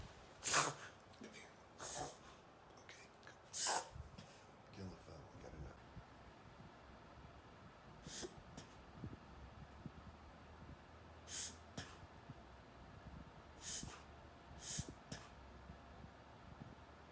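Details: Dog Augie: repeated sharp, snorting inhaled bursts; reverse sneezing episode.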